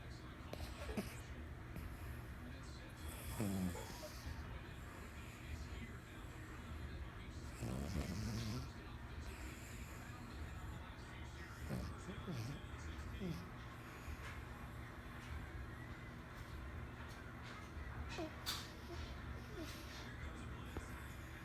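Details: Morkie puppy asleep on the sofa, snoring and dreaming: soft, irregular low snoring breaths with occasional snorts over a steady background rumble.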